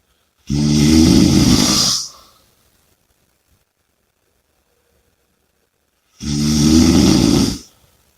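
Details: Heavy, steady snoring with two loud, buzzing snores about five seconds apart, silence between, roughly twelve breaths a minute.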